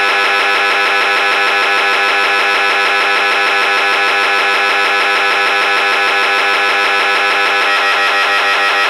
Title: MRI Sounds